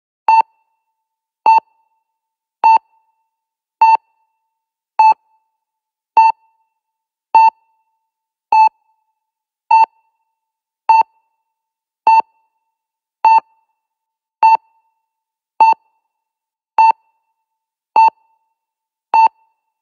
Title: Cardiac monitor 01 - Sound Effect - No Copyright - Free Sound